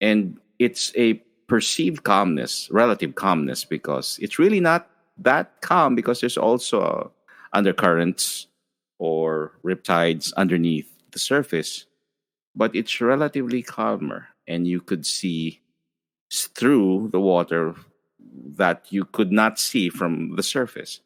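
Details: Adult male speaker; normal fluent speech.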